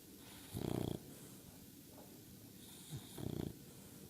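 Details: Sleeping bulldog puppy (Keirra), snoring like her brothers: two short, rattling, low snores a few seconds apart, each in-breath vibrating noisily through nose and throat.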